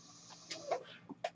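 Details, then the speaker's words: Soft steady hiss broken by brief mechanical puffs and clicks from the speaker's own mechanical ventilator, heard while he introduces his podcast. "My name is. That noise you're hearing is my ventilator, and welcome to Page Turners They Were Not,"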